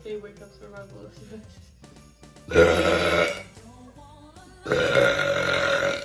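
Two long, loud voiced belches with faint music and talk in the background; deliberate burping.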